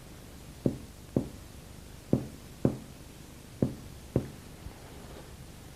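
A series of low, hollow finger taps on the front of the chest, each with a brief ringing decay: normal resonant lung percussion note.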